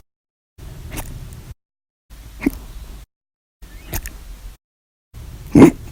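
Four abrupt hiccups about 1.5 seconds apart, each a sharp gulping click, the last loudest, separated by silent gaps: repeated hiccups.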